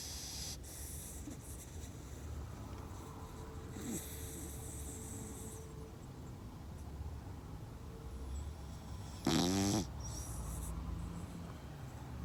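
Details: 3-year-8-month-old female Shiba Inu asleep on a lap during a car ride, tired from play: steady car rumble, then one loud, fluttering, fart-like snort-snore.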